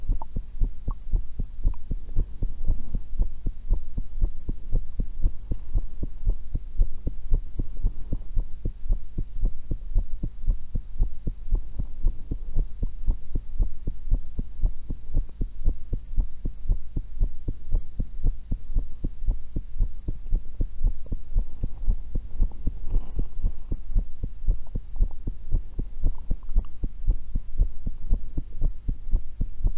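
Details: Own heartbeat recorded through a single stethoscope while eating an apple and a cucumber: steady, regular low heart thumps with constant background hum; normal heart sounds.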